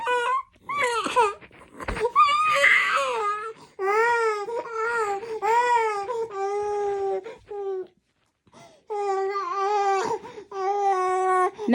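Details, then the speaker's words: Infant girl crying with repeated strong, tonal wails and brief catches of breath while her chest wall is massaged front and back to make her cough up mucus. "and you want baby to cry because you want her to cough as you can h"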